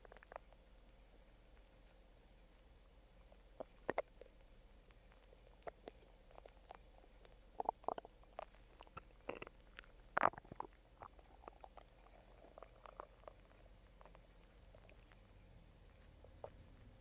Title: Stomach Growling